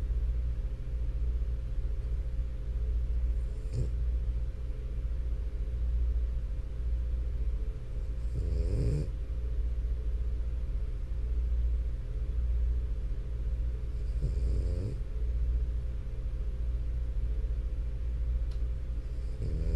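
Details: French Bulldog snoring during sleep: low rumbling throughout with several louder rattling snorts on breaths; snoring.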